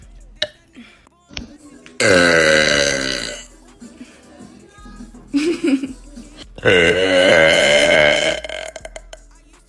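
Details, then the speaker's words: Girl burping: two long, loud, deep voiced belches, each about one and a half to two seconds, with quieter sounds between. "excuse me I didn't know I could do that"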